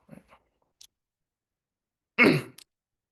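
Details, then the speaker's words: Adult man with Tourette syndrome, a tic disorder with motor and vocal tics: a single short, forceful throat clear in a quiet room, a vocal tic. "It's a nervous um tick disorder involves kind of motor vocal ticks. So, you might notice me clearing my throat or blinking my eyes."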